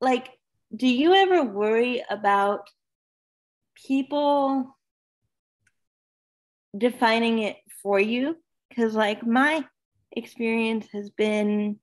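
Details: Dysarthria in a woman almost 32 with cerebral palsy who says talking is hard for her and that her disability shows as soon as she speaks.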